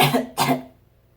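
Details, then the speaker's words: Two quick, harsh, slightly wet cough bursts in a small room, typical of a productive cough, from a female who has had a cough for eight days. "the only good thing about having a cough is the muscles that it works out I'm seriously getting the core training of a lifetime here"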